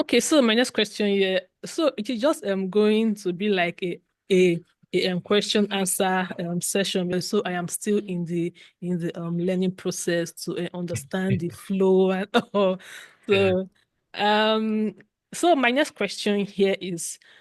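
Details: Adult woman who stutters and practices open stuttering, with syllable repetitions, long stops and word fillers, asking a question in a conversation; stuttering.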